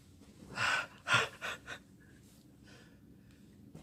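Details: Adult man (boyfriend) sneezing after taking sneeze-inducing chhinkni for the first time: sharp gasping inhale, then a loud sneeze burst with a few smaller trailing puffs, then quiet.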